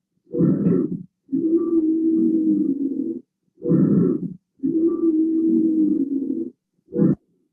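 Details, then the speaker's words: Simulated on a teaching manikin with more marked airway obstruction: whistling wheeze during expiration, characteristic of asthma or an asthmatic crisis. Expiratory wheeze. "¿Escucharon la sibilancia en la expiración? Sí, sí. Sí, doctor. sí. Eso Sí. es característico del asma."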